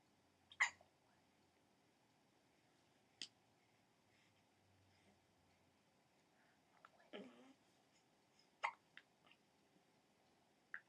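Short, sharp, spaced hiccup sounds from a baby, about five over eleven seconds, with faint vocal noises in a quiet room; infant hiccups.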